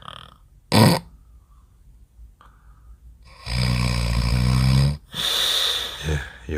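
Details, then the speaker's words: A man in deep sleep gives a brief snort, a quiet pause, then two long, very loud, low rattling snores in quick succession, growing louder: heavy snoring. "엄청 나게 크네 요 . 예 . 점점 소리 가 커지고 있어 요 . 소리 가 훨씬 더 커질 겁 니다 ."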